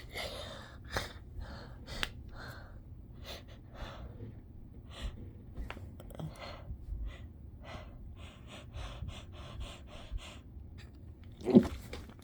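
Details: Gasping before a stifled chhinkni sneeze: repeated sharp, catching breaths build over several seconds, then end in a muffled, suppressed sneeze.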